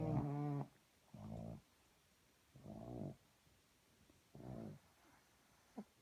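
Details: Snoring, though the uploader wonders whether it is snoring or farting: soft, low, buzzing snores recurring every one to two seconds in a quiet room.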